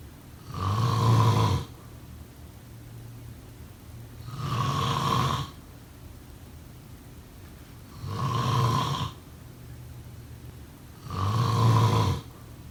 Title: Snoring sounds..